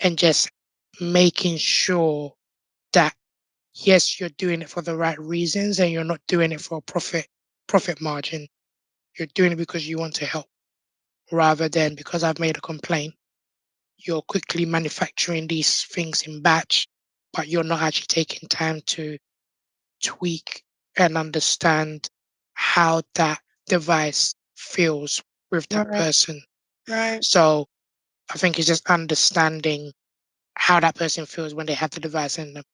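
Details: Adult man born six months premature with undeveloped airways, given emergency surgery at birth and living with a tracheostomy tube; prematurity heavily impacted his vocal cords; tracheostomy voice.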